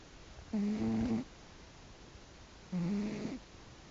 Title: tek snoring